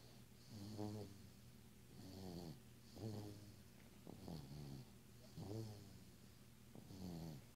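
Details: Sleeping baby aged 9 months 1 week snores softly and regularly with a flutter on each breath, about 26 per minute; infant snoring.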